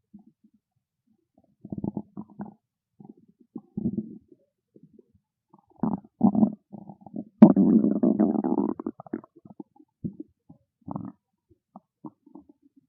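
Loud gurgling and rumbling bursts from a hungry stomach, including one long drawn-out growl; ordinary bowel sounds.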